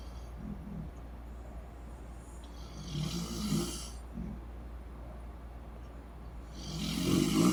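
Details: Mother and sister snoring while asleep on vacation, both denying they snore: soft, rough snores with breathy out-breaths over a steady low room hum; snoring.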